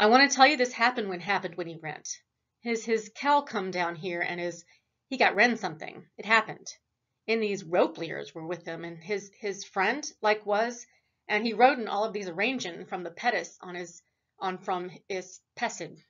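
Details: Acted: a lecturer imitates a patient's fluent, fast gibberish with syntactic markers, contrasted with Broca's aphasia; Wernicke's (fluent) aphasia.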